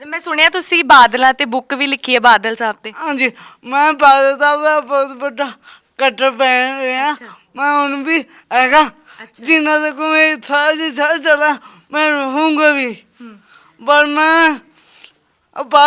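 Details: Speech impairment with stammering and unclear speech in a young Sikh man with a disabled hand; the problem has been present since birth.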